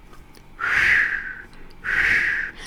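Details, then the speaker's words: Vocal imitation of the diamond-shaped mid-systolic ejection murmur of aortic stenosis: two breathy hissing whooshes rising then falling, from turbulent flow across stenosed valve with hypertrophied left ventricle. "so this the diamond-shaped mid systolic murmur will sound something like this so that's myth systolic murmur"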